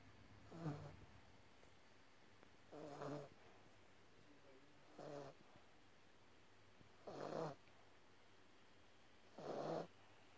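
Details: Pet dog snoring while asleep: soft, short snorting snores about every two seconds in a quiet room.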